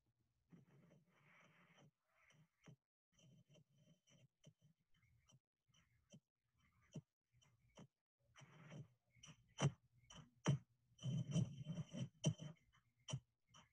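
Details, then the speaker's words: Heart sounds near 68 a minute with the second heart sound splitting into two parts when the patient inspires; split S2. "the next three slides will show you the sound of the splitting of s2 please take note when the patient inspires"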